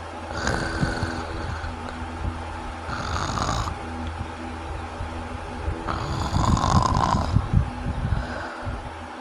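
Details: Loud, rough snoring on three breaths in about nine seconds, with a low hum in the background; snoring described as obstructive sleep apnea.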